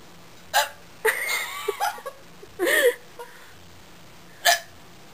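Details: About four sudden, sharp hiccups, each with a brief vocal catch, spaced irregularly; a woman with repeated hiccups that began about a minute before recording.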